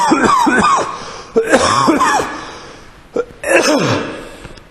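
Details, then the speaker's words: Adult repeatedly coughing and clearing throat while trying to record, saying they can't document a mental health meeting because they keep coughing; abrupt harsh coughs with rough voiced tails in a quiet room. "I mean, I want to document the mental health meeting yesterday, and I can't do that because I keep coughing."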